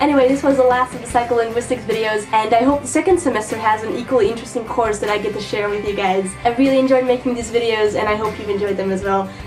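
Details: Adult woman speaking; normal speech.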